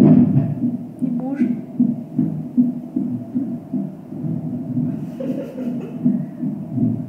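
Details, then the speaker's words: Fetal heartbeat about 150/min on hospital fetal monitoring, heard as rapid rhythmic whooshing thumps, during emergency hospitalization for strong contractions. "on avait un monitoring donc on entendait le cœur du bébé battre j'ai mis plus fort mais on n'entend pas spécialement dans la vidéo"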